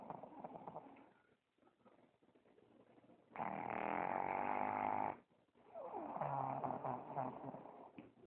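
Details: Pug, Luna, tired and asleep on an owner's chest, snoring loudly: rattling, snorting breaths with a long grunting snore.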